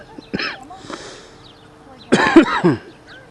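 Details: A short throaty cough, then a louder burst of two or three coughs with voiced throat clearing; ordinary cough.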